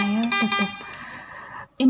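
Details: Loud, buzzy electronic alarm tones from a Hawkmed Hawk i1 infusion pump during a product demonstration, signalling high pressure from an occlusion in the line.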